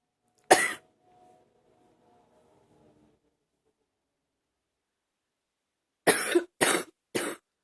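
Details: Simply coughing: one sharp cough, a pause, then three more quick coughs in a burst.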